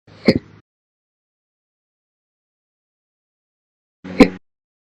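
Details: Person who gets slow hiccups daily: two short, abrupt gulping sounds about four seconds apart in silence; slow recurrent hiccups.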